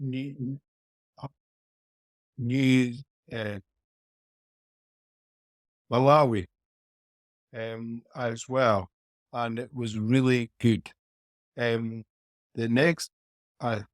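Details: 49-year-old man with aphasia after a haemorrhagic stroke four years earlier; initially unable to speak meaningfully, has had speech therapy, speech still inconsistent with name mix-ups.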